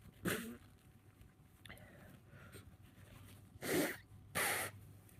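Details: Person with a tickly cold: quick gasping intake, then two sharp sneezes close together in a quiet room; cold sneezes.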